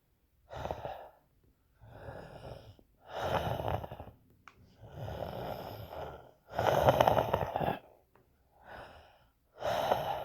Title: wheezing video